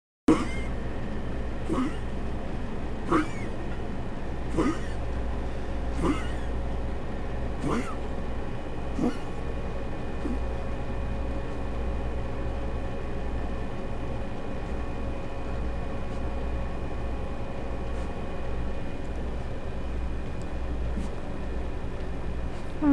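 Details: Schnauzer dog diagnosed with congestive heart failure five months earlier, at rest: harsh, high-pitched noisy breaths about 40 per minute, stridor.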